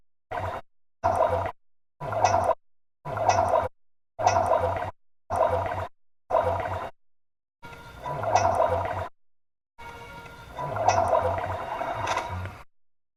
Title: Old Yellow Labrador Dog Stomach Growling